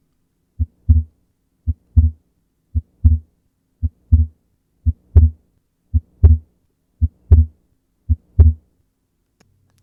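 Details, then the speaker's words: Wide splitting of S2, which persists during expiration and is exaggerated by inspiration: steady heartbeat near 56 a minute with the second sound split into two close taps in every beat. "to summarize this wide splitting persists during expiration and is exaggerated by inspiration let's have a listen to how this would"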